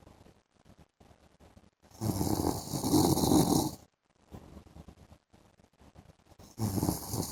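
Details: Adult man snoring during an afternoon sleep: loud rattling snore on inhalation, with quieter breathing between, in a quiet room.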